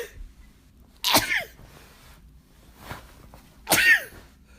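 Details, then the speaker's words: Two loud, abrupt sneezes with a faint sniff between them, in a quiet room, from a person with a cold who is cooking and says they are sneezy again after weeks without; sneezing. "I'm all sneezy again. I haven't been sneezy for weeks."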